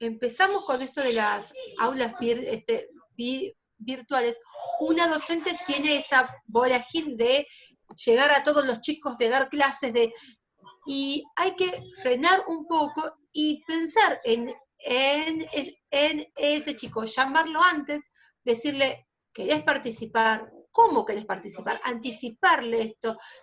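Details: Spanish-speaking female teacher who stutters, presenting at a stuttering association workshop; she was not allowed to be a teacher when starting her career at 19 and has taught for 16 years since; stuttering.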